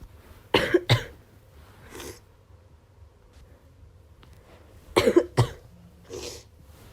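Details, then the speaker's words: Woman with a miserable cold and congested chest, coughing all day and losing her voice: two pairs of harsh coughs, each followed by a softer throat-clearing breath, in a quiet room. "i'm fed up of coughing honestly god i feel like this literally all day just coughing all the time and i'm losing my voice too"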